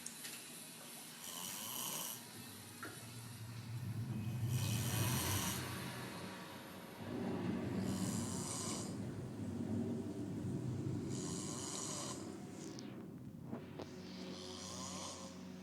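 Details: Loud, rattling snores in a steady rhythm, about 17 breaths a minute, with low rumbling in between; heavy snoring during sleep.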